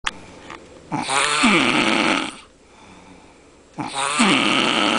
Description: My buddy the loudest snorer on the planet.